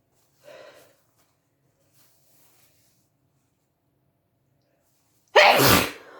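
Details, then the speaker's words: One sneeze induced by pepper after a tissue method was tried: a soft inward breath, a pause, then one loud, forceful sneeze. "oh wow that was incredibly messy thank you now all that peppers coming out"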